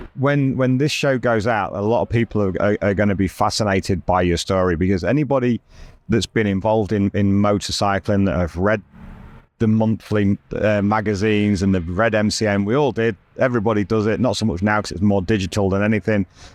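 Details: Adult man speaking; normal speech.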